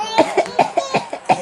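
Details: A run of about six short, voiced, playful coughs from a baby girl, deliberately imitating her grandfather's cough; voluntary cough.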